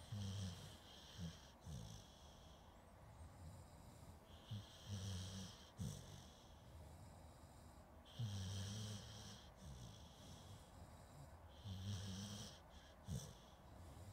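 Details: Zoom H2N recording of a sleeping dog: slow rhythmic low rumbling snores about 18 a minute over a steady hiss; snoring.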